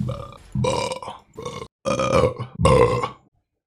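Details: A livestreamer burping repeatedly: a run of four or five loud, low, rumbling voiced burps with short pauses between them.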